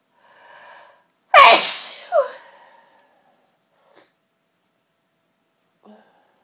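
A soft indrawn breath, then one loud, explosive sneeze with a trailing vocal tail: a forceful sneeze.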